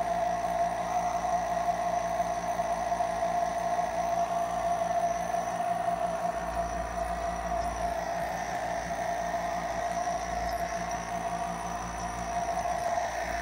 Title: A short nebulizer sound